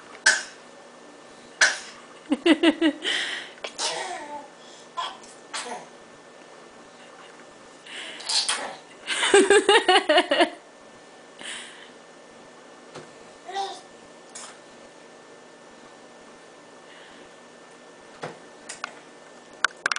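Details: Fake cough and sneeze by a young boy who imitates them for fun: bursts of faked sneezes and short coughs mixed with vocal noises, not real illness.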